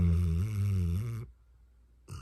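A single long, low, droning snore on the in-breath, then a quiet pause; a dog snoring in sleep.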